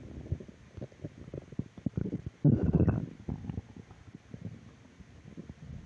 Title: Stomach Growl Audio 3